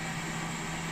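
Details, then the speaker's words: Mechanical insufflation-exsufflation (cough assist) exhale phase, preset 2 mimicking breath stacking: inhale pressure 40 cmH2O for 5 seconds, 5-second exhale, then a 5-second pause during which the patient breathes; repeated for four or five breaths. "and the timer will go off for the five seconds up to 40 centimeters of water there's my exhale time"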